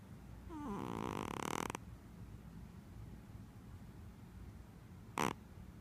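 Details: Sleeping Persian cat: a single drawn-out, vibrating nasal breath followed by a short snort; snoring.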